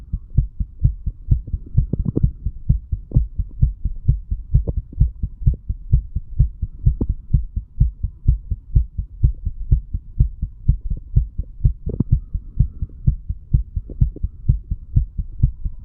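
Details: Heart sounds of a 35-year-old man after heavy alcohol intake, self-recorded a few hours after going to bed, mitral to tricuspid area: steady, regular, fast lub-dub at about 128/min, faint background hum.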